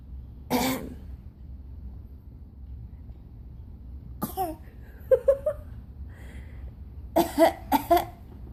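About five short coughs in a quiet room, one single, then paired bursts; a child's cough.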